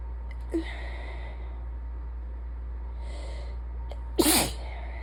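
A quiet intake, then one forceful wet sneeze with a congested nasal quality over a steady low hum, consistent with a sinus infection.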